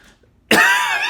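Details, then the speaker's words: One abrupt, harsh, dry hacking cough with no rattle, in a person with a persistent cough, headache and no fever, attributed to Covid; dry cough. "just a really gross hacking dry cough and i also have a headache so it's like every time i cough my head hurts at the same time really bad"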